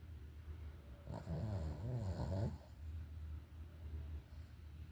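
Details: Female dog snoring while napping: low, rumbling, wavering snore with quiet room noise around it.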